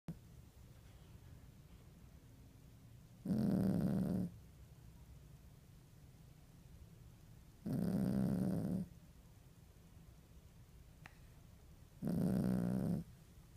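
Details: Low, rough snoring breaths, three loud ones about every four seconds (roughly 14 a minute), with quiet between them in a still room; snoring.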